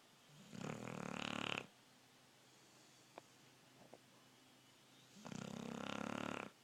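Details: 12-year-old Wheaten Terrier dog named Riley, sound asleep and snoring loudly.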